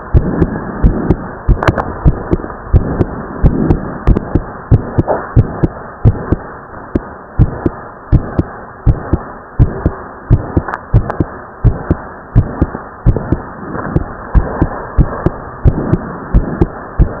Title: Split s2 Boy heartbeat sound after exercise :3